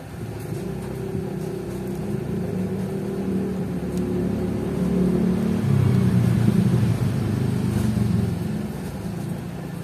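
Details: Steady low motor hum building then easing as an automatic digital blood pressure monitor cuff inflates on a 61-year-old's right arm; readings 126/76 and 113/74, described as normal, pulse somewhat fast.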